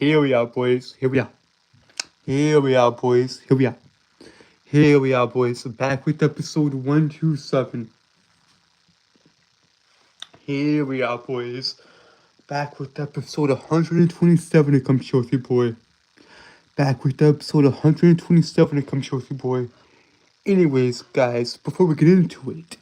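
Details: Stuttering; male speaker reports a speech impediment causing him to stutter and trip over his words.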